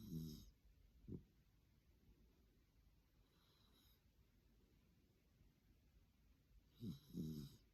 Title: a small dog snoring so noisy